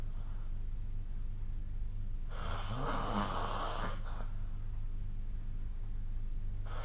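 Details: One loud, rough snore in the middle over a steady low room hum during sleep, recorded with the SnoreLab snoring app.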